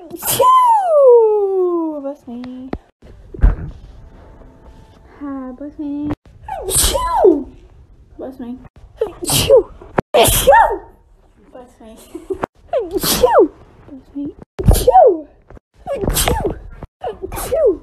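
A series of sharp explosive sneezes, several preceded by rising gasping inhalations, with brief voices between; repeated sneezing.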